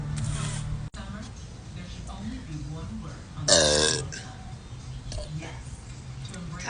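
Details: A loud, half-second voiced belch from a girl having a drink, amid casual talk and faint background music. A plain burp.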